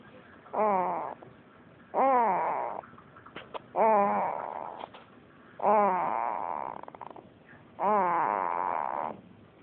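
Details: A young boy, awake, imitates snoring with his mouth: five rhythmic, voiced snore-like noises about every two seconds.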